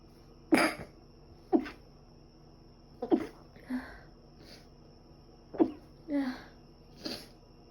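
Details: Sneezing recorded over two days: a series of short, sharp sneezes, several followed by a softer snort, spaced irregularly in a quiet room; the person thinks dust allergy is likely and also has a cold with cough and runny nose.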